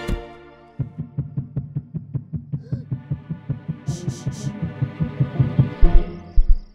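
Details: Simulated heartbeat made as a sound-design foley project from self-recorded and library effects: deep, regular thumping beats at about 110 a minute, with faint music and effects behind; not a real recording.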